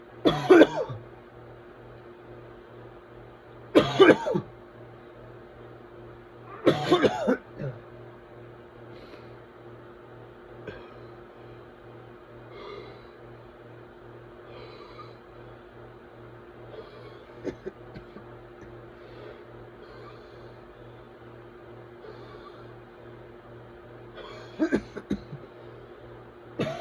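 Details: Adult with whooping cough in a coughing fit: four harsh, forceful cough bursts separated by long quiet gaps; pertussis coughing.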